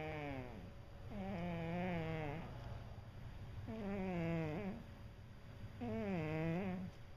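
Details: Female pet cat that snores habitually: voiced, drawn-out rasping tones recurring about every two seconds, each over a second long; snoring.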